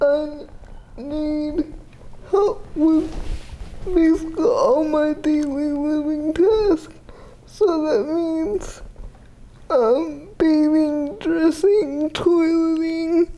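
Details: 30-year-old woman with GMFCS Level 4 cerebral palsy, quadriplegia with an athetoid component, affecting the speech muscles so her speech may be unclear; dysarthria (cerebral palsy).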